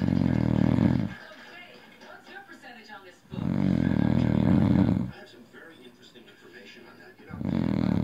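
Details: Adult man passed out drunk: very loud, harsh, rumbling snores lasting over a second each, about every four seconds, with noisy breathing out between; snoring.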